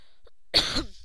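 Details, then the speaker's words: An adult with a cold and a rough voice gives one short, harsh, isolated cough after quiet room tone; it fades quickly. "also my voice is a bit rough i don't normally sound like this uh unfortunately i have a bit of a cold"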